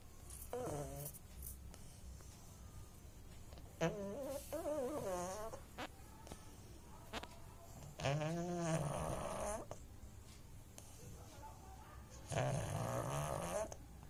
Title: pug snoring sound